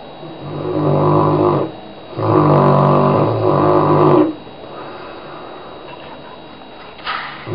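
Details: Loud, rattling, buzzy snores from a dog sleeping around 11am, with two long noisy breaths in a row and then quieter breathing: very strong dog snoring.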